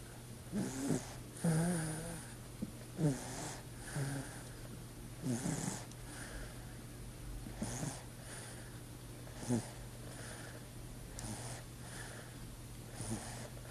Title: snoring (hork-hork)